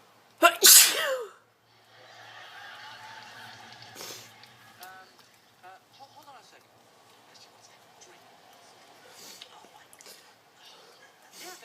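One loud, explosive sneeze near the start, followed by quiet room noise and faint background sounds.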